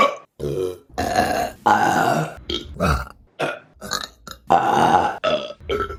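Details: Rapid series of loud, long, rumbling belches, about a dozen in six seconds, from a burping compilation: repeated burping.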